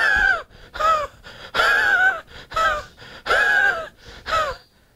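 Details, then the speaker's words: Imitated dry, rasping, sawing cough with a rhythmic back-and-forth quality, like a saw driven through pine, demonstrated as the dry cough of homeopathic Spongia. "I shared with you the dry C of spongia where it's like a saw being driven through a pine"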